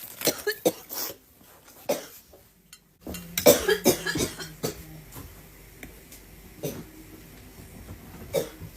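Repeated sharp coughs in uneven bursts, with a brief pause partway through.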